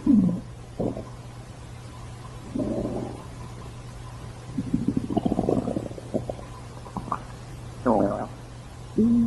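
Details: Stomach growling (borborygmi): intermittent gurgles and squeaky growls over a steady background hum.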